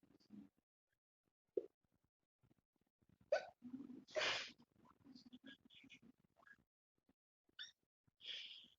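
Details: Sudden short vocal catches recurring among quiet sounds and soft vocalizing from an intoxicated young woman who says she has had too many beers; hiccups.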